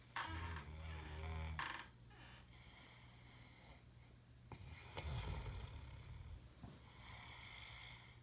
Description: .... he honestly thinks he doesn't snore! So had to video tape it.